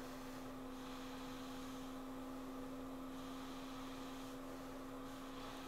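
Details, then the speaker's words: A ResMed AirFit N10 nasal CPAP mask at 10 cmH2O is worn by a sleep tech during review. The vent gives a steady airy hiss and hum with breath-linked swells, not as quiet as some other masks. "is at 10 centimeters of water pressure it's not as quiet as some of the other masks"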